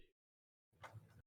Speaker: In hindsight, I'm muted on Discord and not on the podcast, so they had to hear that sneeze, and you didn't have to hear it.